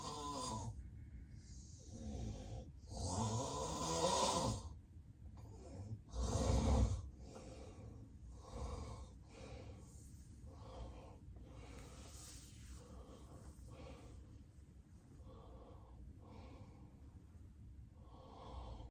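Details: Loud irregular snoring with snorts and gasping bursts between quieter stretches, recorded during a real, unplanned daytime nap by a person with excessive daytime sleepiness: snoring with obstructive sleep apnea.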